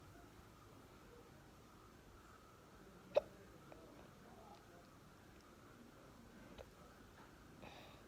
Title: Hiccups after breakfast